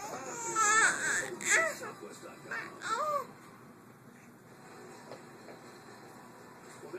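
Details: Infant girl startled by her father's sneeze: a few short, high, wavering cries over about three seconds, then quiet room noise.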